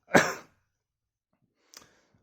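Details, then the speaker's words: Adult reporting intense chest palpitations that make them cough a lot, without shortness of breath or breathing difficulty: one sharp, dry cough, then a faint second breath sound; cough. "i i i i constantly you know feel some sort of palpitations you know in my chest and it's it's making me you know coughing quite a lot"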